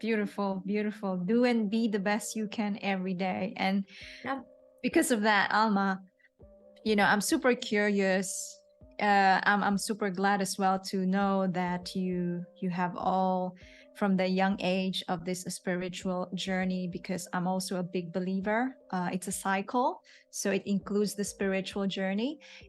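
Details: Adult woman speaking; typical speech.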